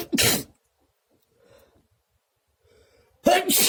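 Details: Two sharp, explosive sneezes separated by near silence and faint rustling. Sneezing.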